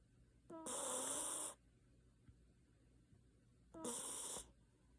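Two loud, rough, fluttering breathing noises separated by quiet pauses, consistent with snoring during sleep.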